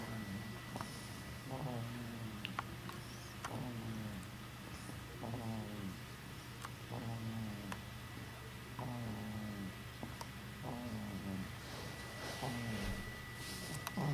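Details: Baby snoring in sleep: soft, rhythmic, buzzing snores about every two seconds over steady room hum.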